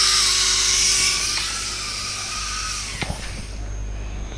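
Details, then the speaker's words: Steady high-pitched whine of a dental drill, with slight pitch drops as it cuts, preparing a mesio-occlusal cavity: dovetail on the distal marginal ridge, tapered flared walls, wider than an amalgam cavity, then the proximal box. "I am preparing a mesio-occlusal cavity, so I am giving a dovetail on the distal marginal ridge."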